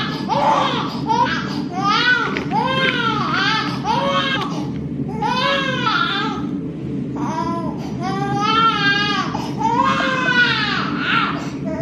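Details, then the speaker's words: 3-month-old baby girl at night, screaming even when held and offered a pacifier: loud, sustained infant crying in repeated wailing bursts with brief gasping pauses. "like even when we hold her try to put her pacifier in she'll still just like sometimes scream like that so oh"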